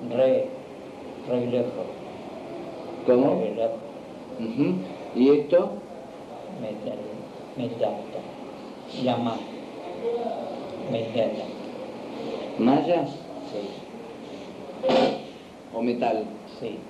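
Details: Patient with Broca's aphasia repeating words and phrases: impaired repetition with an initial paraphasia, deformed and truncated words, increased speaking effort; comprehension preserved, though complex commands sometimes difficult; Broca's aphasia with impaired repetition.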